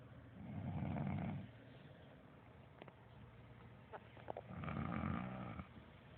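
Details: Fart-like snoring: two low, rattling, flapping snores on inhalation with quiet pauses between.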